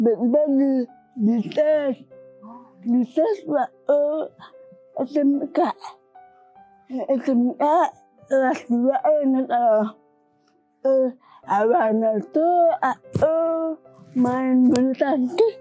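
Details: Young woman with cerebral palsy from birth; walked after age two and hospital said not polio; dysarthria.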